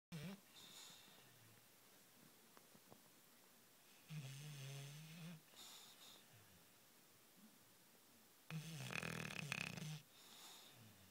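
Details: Loud rattling snores on the in-breath, each about a second long, with quieter out-breaths between them, in a small quiet room; snoring.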